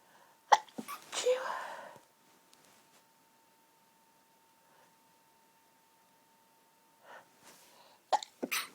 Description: stifling my sneezes, some stifles & some half stifled..... also false starts, build ups and some nose blowing........ allergy related sneezing as my sensitive nose tickles like crazy